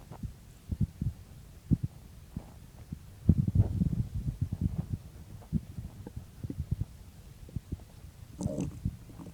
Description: In this video, pretty much what the title says, I woke up and my stomach was noisy so I started recording it.